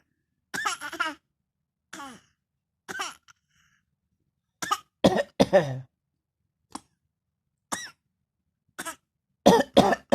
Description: who just discovered how to cough. She has been coughing every minute she get.